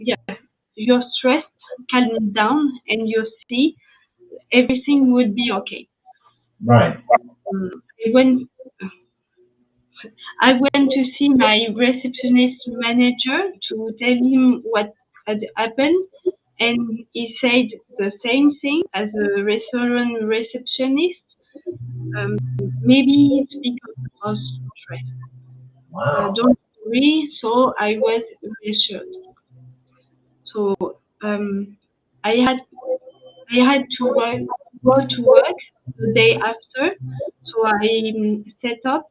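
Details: French woman, ischemic stroke at age 22 in July 2011, mute for 10 days, a year of rehabilitation, lasting language difficulty; post-stroke aphasia.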